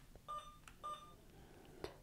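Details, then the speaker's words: Two short electronic keypad beeps with faint clicks on an Alaris infusion pump, basic infusion mode, while entering a rate of 100 mL/hr for normal saline during a primary IV programming demonstration. "so I'm going to go ahead and press next to rate and now I'm allowed at the bottom to enter 100"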